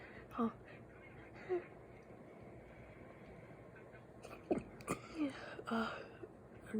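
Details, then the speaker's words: A person with a naturally deep voice and messy sneezes tries to sneeze in a cute, girly way: a few small, deliberately produced sneezes and throat sounds in a quiet room, with soft voiced bursts between. "I'm trying to make them sound all cutesy and I don't know, I can't do it right. They still sound like my regular ones."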